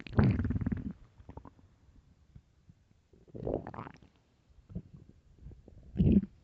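Three bursts of low gurgling rumbles, separated by quiet stretches with faint bubbling. Ordinary stomach growling from an empty, hungry stomach.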